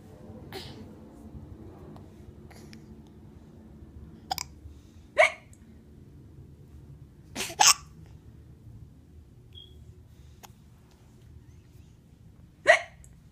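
Several brief, abrupt hiccup sounds at irregular intervals, roughly a dozen a minute, over quiet room noise.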